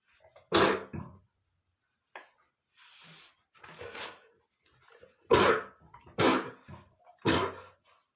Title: male sneezing #29 (Very Sneezing Attack, from me, smelled dusty under the bed !)